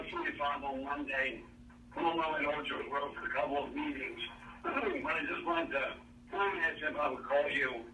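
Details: Man with bulbar-onset ALS in a voicemail recorded months before diagnosis, when his speech trouble was thought to be due to acid reflux; dysarthria (ALS, bulbar onset).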